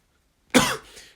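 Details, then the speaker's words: Single short, harsh, dry cough from an adult man, the clinician, during endoscopic ear wax removal; he says it is not COVID and he coughs only when speaking. "i know if you've been worried about my cough you can hear that so it's not covered get tested regularly it's only when i speak"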